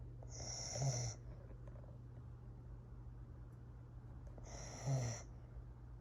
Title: Corgi Snoring